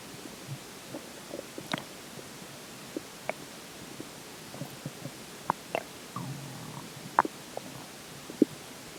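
Scattered gurgles, squeaks and pops from the belly over a faint hiss, ordinary stomach growling.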